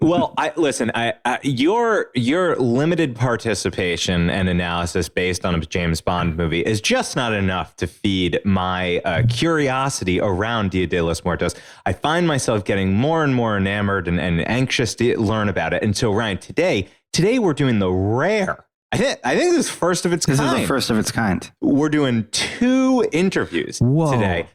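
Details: Adult man speaking; normal conversational speech.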